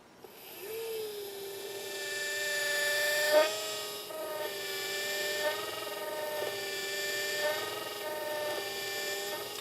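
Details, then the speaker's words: Steady high-pitched motor whine with brief pitch dips as the bur meets bone, pumped up and down for irrigation, cutting a site in a practice jaw for Zest LODI overdenture implants; dental implant drill running. "again pumping my osteotomy to ensure i have adequate irrigation"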